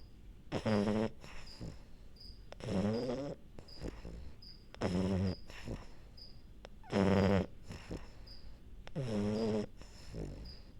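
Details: French bulldog falling asleep and snoring: repeated rough, fluttering snores on both in- and out-breaths, roughly two seconds apart, with faint room hiss.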